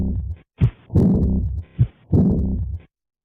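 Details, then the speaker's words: Slow heartbeat with a long blowing early diastolic murmur after each beat, best heard along the left sternal border, peaking at diastole's start then rapidly decreasing; aortic regurgitation murmur. "the murmur is best heard not in the aortic area but rather along the left sternal border it Peaks at the beginning of diast when the pressure difference is highest then rapidly decreases as the equilibrium is"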